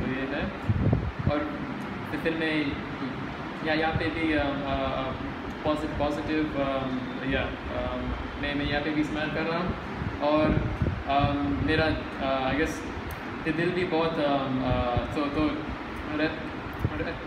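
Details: Adult male speaker; stuttering.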